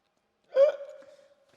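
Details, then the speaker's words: A single sudden squeaky gulp with a brief trailing tone, a hiccup acted out by a man in a staged comedy skit advertising an anti-hiccup straw. "What the heck was that, bro? Are you okay? I got hiccups."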